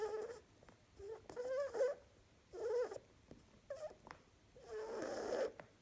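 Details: Sleeping harlequin rabbit (female) gives short squeaky, whistling nasal snores in repeated bursts with quiet pauses between; snoring.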